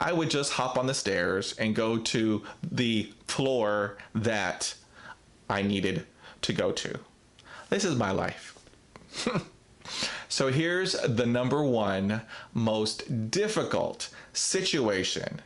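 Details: Real stuttering in an adult man who describes himself as a person who stutters, talking about a difficult speaking situation.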